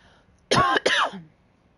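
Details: Cough.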